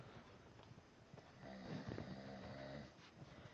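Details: A single soft, rumbling snore over quiet room noise; the snoring is said to be loud enough to stop the TV being heard: snoring.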